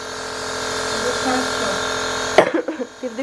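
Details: Steady mechanical hum and whine of a running nebulizer, then it stops with soft room sounds; nebulizer running.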